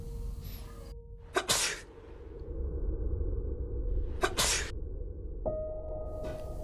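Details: Two sharp, explosive sneezes about three seconds apart over low room hum and soft music, from a Japanese experiment using laser and a high-sensitivity camera to visualize micro-droplets from coughing and sneezing (COVID-19 research); sneeze.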